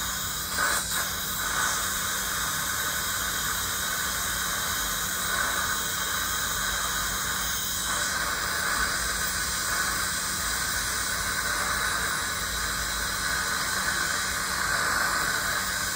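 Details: Steady high-pitched squeal and hiss of a dental scaler with water spray during a routine teeth cleaning, a hygienist cleaning a dentist's teeth in an ASMR recording; a normal instrument sound.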